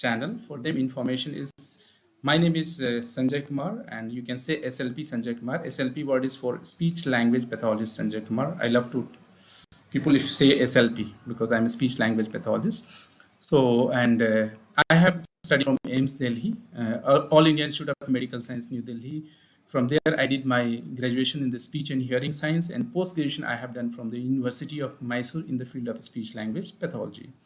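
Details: Adult male speaker; normal speech.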